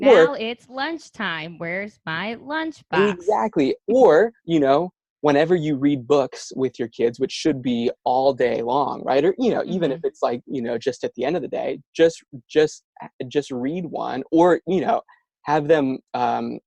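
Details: Stuttering in an adult male speaker, a speech-language pathologist who stutters himself; stuttering.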